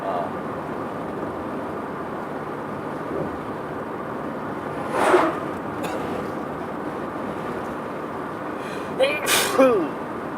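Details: Sneezing fit while driving: steady road and engine noise, then a sneeze and a second, louder sneeze with a voiced gasp.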